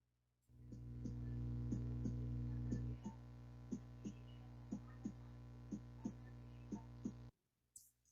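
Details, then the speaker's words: Cardiac arrhythmia demonstration in a classroom lesson: fast, uneven heartbeats with irregular spacing over a loud steady hum, played as example of disordered rhythm that can lead to heart failure. "Ahora vamos a las arritmias, así suenan las arritmias."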